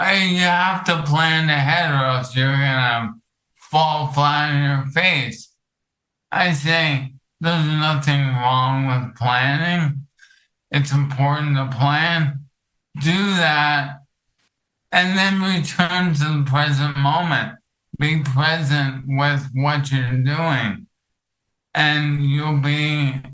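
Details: Adult male with ALS affecting his vocal cords, which makes talking for long periods difficult; finding: dysarthria (ALS).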